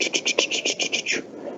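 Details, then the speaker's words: Rapid rhythmic whooshing pulses, about ten in just over a second: vascular Doppler probe on the ulnar vein of a small bird, used for monitoring circulation during avian surgery. "but the doppler we can use it i don't think you will hear the doppler unfortunately but it will be a sound like this"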